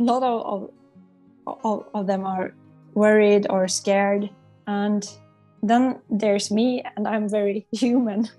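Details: Adult psychologist who stutters, a client of a stuttering coaching program, with audible word repetitions; stuttering.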